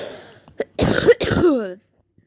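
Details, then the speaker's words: Two or three harsh, throaty cough bursts with a short voiced catch at the end, from someone who says he is very sick and not breathing well. "אני פשוט ממש חולה וזה. מצטער על הרעשים האלה. של אני משתעל."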